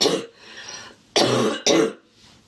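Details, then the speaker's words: Adult woman, congested, with a sniffle and cough for the past couple of days, which she links to windy, dusty air: three harsh, barking cough bursts with a congested, throat-clearing quality: barking cough. "I'm a little congested it's been so windy it's crazy so the dust in the air is just wild and the past couple days I've been a little sniffle and a little cough but"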